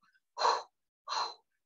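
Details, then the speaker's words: Vocal imitation of a monophasic Doppler arterial waveform indicating peripheral arterial disease: two soft breathy humped, dampened sounds without second beat, unidirectional flow from stenosis above. "the monophasic term is the one that indicates Peripheral arterial disease you get a humped dampen sound"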